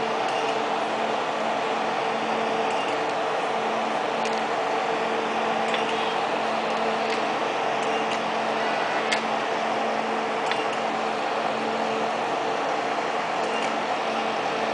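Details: Steady hum with faint sparse clicks of pulses firing, normal operating sound of a 1064nm long-pulse Nd:YAG laser during hair removal.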